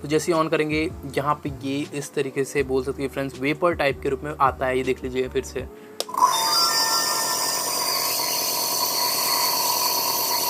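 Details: Niscomed NB-117 nebulizer compressor running normally: a steady mechanical hum with a buzzing whine following a stretch of music.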